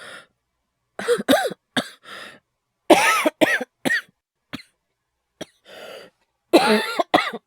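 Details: Bursts of harsh, dry coughing in short runs with gasping breaths between, including hyperventilation sounds; acted coughing by a male voice performer, not genuine.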